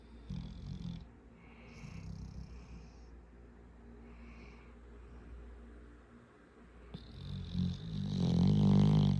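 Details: Sleeping 7-month-old dog snoring while lying on a 7-year-old: low, fluttering rumble with each breath, growing louder toward the end.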